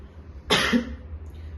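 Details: Homoeopathic teaching demonstration of a paroxysmal cough, imitated: a single sharp cough burst with a short voiced tail.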